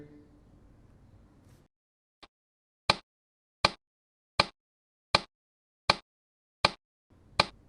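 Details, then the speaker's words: Simulated newborn resuscitation case drill: baby not breathing after 30 seconds of ventilation; sharp regular taps at about 80 per minute tapping out the heart rate, below 100; neonatal bradycardia. "rate 80 per minute heart rate less than 100 and the baby is not breathing"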